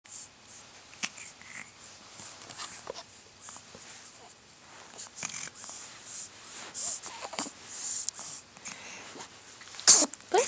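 Several brief, sharp, high-pitched bursts from an infant in a quiet room, with faint snuffly breathing between them: infant sneezes.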